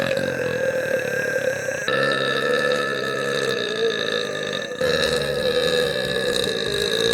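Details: A female VTuber streamer belching in a compilation: long, loud, drawn-out voiced belches run back to back; burping.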